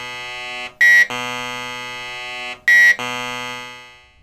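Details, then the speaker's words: Loud, steady electronic buzzing tones with brief louder pulses repeating about every two seconds from an MRI scanner collecting one type of brain image; normal scanner noise, each sequence lasting several minutes. "the scanner makes all kinds of noises when it's collecting images and do we collect many different kinds of images each type of image we take lasts several minutes and each may sound a little different"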